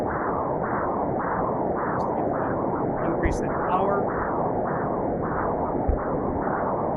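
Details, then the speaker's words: Transcranial Doppler bubble study with saline injection, monitoring right and left middle cerebral arteries; microembolic signals (HITS) are heard as bubbles cross. "So, when you're looking at it and you're um you're injecting as well too, you're looking at the RMCA and the LMCA and you'll hear it"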